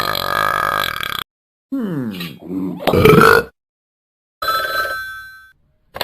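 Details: Ben made to burp for the second time: a loud, drawn-out gurgling belch between bursts of ringing tone.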